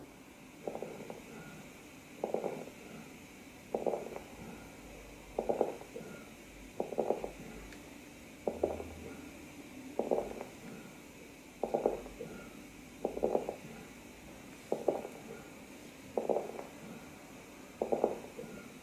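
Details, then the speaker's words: Fine crackles (crepitations): short bursts of fine late-inspiratory crackling with each breath, from alveoli containing small amounts of fluid separating. "during inspiration alveolar walls separate with difficulty at the end of inspiration to produce late inspiratory slight cracking sound so let's listen"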